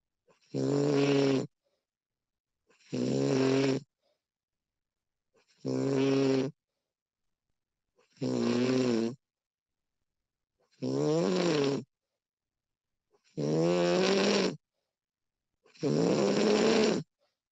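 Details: Real recording of a sleeping person's snoring, labelled a female version: seven regular low buzzing inhalation snores about every 2.5 seconds (about 23 a minute) with near silence between.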